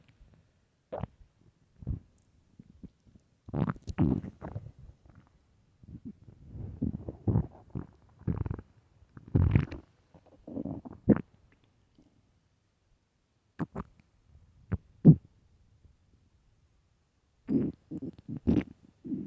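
Intermittent low gurgles, pops and rumbles separated by quiet gaps, typical of ordinary stomach growling on an empty stomach.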